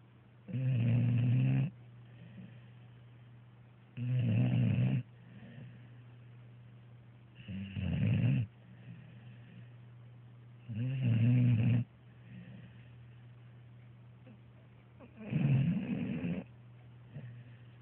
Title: Bailey snoring